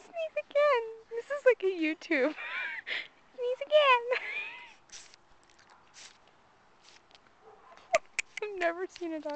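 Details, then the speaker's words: Dog sneezing repeatedly in short, sharp bursts amid the owner's high-pitched talk, recorded January 31, 2009 with a Flip Video camcorder. "are you gonna sneeze sneeze"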